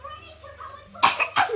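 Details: 3-year-old girl with cystic fibrosis doing airway-clearance physiotherapy with an Acapella device: brief voiced blows, about six to seven, then two sharp coughs on instruction, repeated while jumping; airway-clearance cough.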